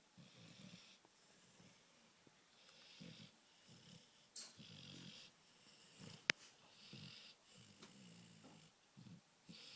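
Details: A sleeping dog snores loudly with repeated rumbling, snorting breaths and hissy, wheezy exhales in a quiet room, loud enough to disturb watching a movie.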